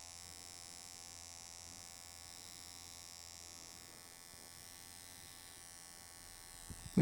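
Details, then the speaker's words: Steady electric buzz with a brief click at the end: vibrating microneedling pen treating facial scars; needle and vibration cause scar subcision. "It's not only the prickling of the scar, but the vibration um caused by the pen and the needle are causing subsision of the scar."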